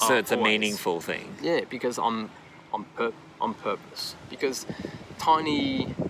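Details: Man aged 39 with aphasia after an AVM stroke at 34, initially global aphasia, now described as more receptive, with right-side disability, speaking English in an interview; aphasia.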